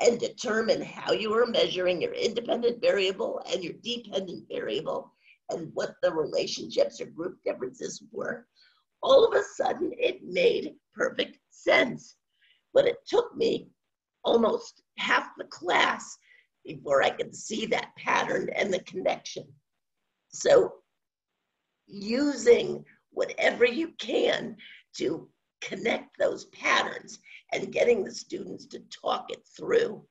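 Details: Adult woman with scratchy voice from spasmodic dysphonia, onset around 2010 and progressively worsening, no cure; her Botox injection was postponed by the doctor; spasmodic dysphonia.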